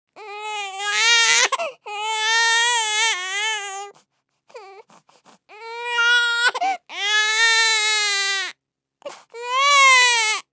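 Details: Baby cry sound effect: sustained, high-pitched infant wails with brief catches of breath between bouts.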